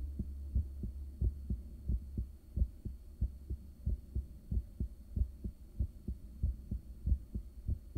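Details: Resting heartbeat recorded with a home ultrasound device in the early morning, shortly after waking, caffeine and morning meds. Steady, strong, regular beats at about 94 a minute over a low hum; normal resting heartbeat.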